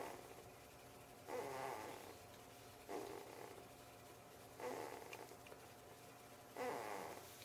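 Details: Snoring from a 3-week-old baby, faint and needing volume turned up; baby also moans while sleeping.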